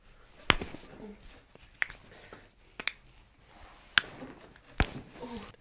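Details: Several sharp, brief cracks with quiet room sound between: joint cavitation during a chiropractic spinal manipulation in a patient with shallow TMJ diagnosed at 16.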